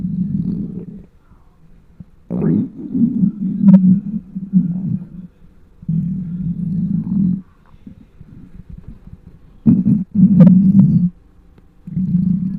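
Loud, low gurgling and rumbling in bursts with brief squeaks and gaps between them: hunger bowel sounds, a normal finding in an empty stomach.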